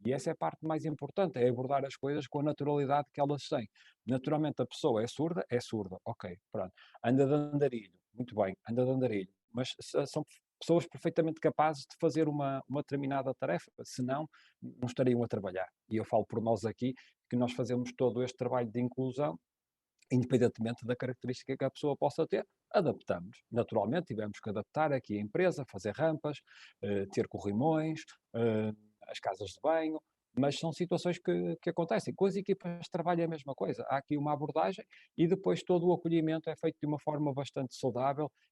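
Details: Adult man speaking; normal adult speech.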